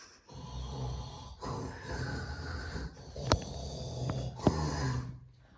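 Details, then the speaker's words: Acted snoring in a comedy prank on a father at bedtime: rough, rattling snoring in long runs with a few sharp clicks; father complains of the snoring. "अरे भाई नींद आ रही है, क्यों खर्राटे भर रहा है? आराम से सो जा।"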